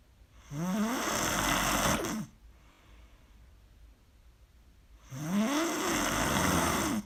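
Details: Very loud heavy snoring during sleep: two loud, harsh, rattling snores on the in-breath with a quiet pause between them.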